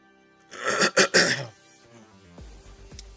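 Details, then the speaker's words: Adult man with a lingering throat itch after a recent cough: three quick, harsh throat-clearing coughs over soft background music. "I still got that weird little itch in my throat from [clears throat] the cough."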